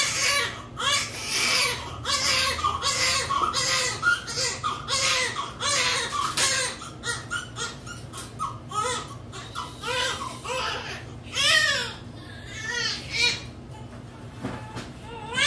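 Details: Repeated strong, high-pitched wailing cries from a newborn baby girl just after a normal spontaneous delivery, with room talk and music in the background; normal newborn cry.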